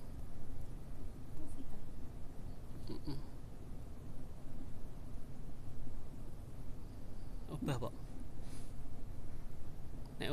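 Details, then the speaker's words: Fetal heartbeat being counted on Doppler, expected above 150 when the fetus is active and around 130s when calm; dense, rapid low whooshing with faint room sounds. "Nek obah mesti di atas 150. Nek anteng 130-an."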